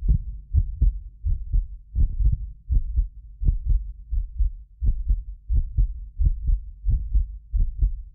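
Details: Regular lub-dub heartbeat at about 85 a minute from a medically fit adult, recorded with several precision contact microphones. Occasional doubled clicks come from the microphone delay. Normal heart sounds.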